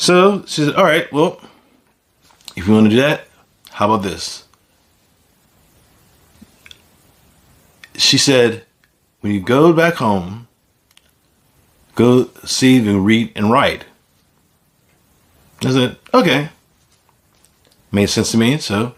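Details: Adult speaker with aphasia following a stroke; aphasia.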